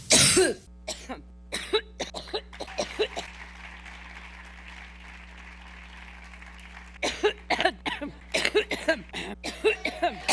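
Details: An adult's whole minute of pure coughing fit: repeated short coughs in two runs, separated by several seconds of steady hum from the room or sound system.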